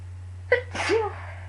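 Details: A single sneeze, a short sharp intake then an explosive burst of air through nose and mouth, over a steady low room hum; a person who is sick sneezing.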